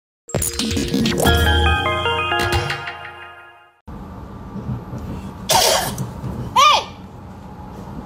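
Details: Adult coughing at a child: a jingle opens, then a single harsh adult cough over room noise, followed by a brief high squeal.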